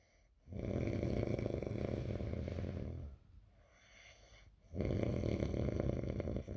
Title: Snoring bitch